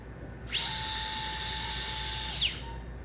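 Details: Great toe joint fusion surgery for arthritis, after bone graft is spread: a high whining power drill runs about two seconds, driving a temporary fixation pin across the joint.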